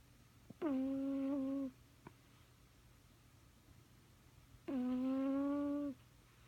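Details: Two drawn-out, whistling, tone-like snores about four seconds apart in a quiet room from Harrison, an old sleeping pet.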